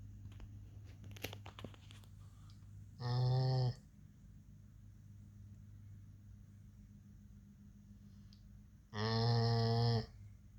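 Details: Two brief, buzzy, tonal snores about six seconds apart over quiet room hum from a sleeping pit bull puppy.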